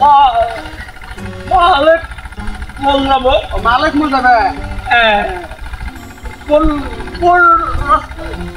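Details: Adult male actor in a comedy skit; stuttering (acted).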